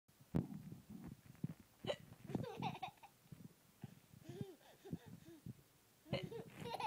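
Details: Mother's hiccups, abrupt repeated voiced catches in the throat, mixed with giggles and babble from her baby, who was sick with cellulitis and laughed at them; hiccups.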